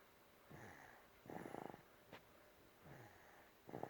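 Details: Infant aged 8 months 5 days asleep in a quiet room: soft, rattly snoring breaths with a brief snort between them; snoring.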